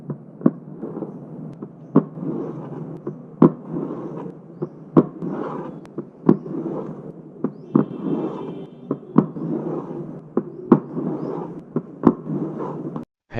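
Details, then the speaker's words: Low-pitched, rough rumbling mid-diastolic murmur of mitral stenosis, beginning with an opening snap after S2 and increasing in intensity before S1 (presystolic accentuation), heard between sharp heart sounds. "Mid diastolic murmur in Nitral stenosis low-pitched rough rumbling murmur. Murmur begin with opening snap after S2. It increases in intensity before S1 called preystolic accentuation."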